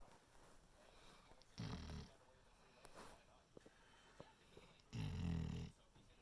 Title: snoring puppy snores